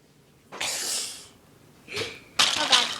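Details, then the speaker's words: Repeated sneezing, described as sneezing many times: sharp, hissing bursts of air, with at least two forceful sneezes in quick succession. "can't stop sneezing why can't I oh oh oh God bless me oops he stupid sneezing"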